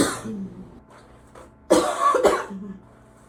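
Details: Deep, barking, productive coughs in the shower while trying to clear secretions, at times severe enough to double the person over: two or three harsh coughs with a wet, throaty edge, then breathing.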